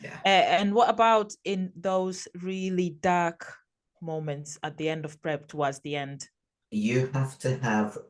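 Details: Adult speaker; normal voice.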